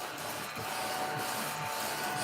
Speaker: hang on you're going to hear a funky noise I got my little ladybug it's a vacuum